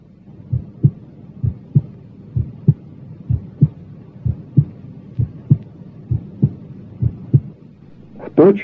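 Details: Normal heart sounds at standard auscultation points starting at the apex: regular lub-dub about 60/min, clear first and second sounds, no murmur.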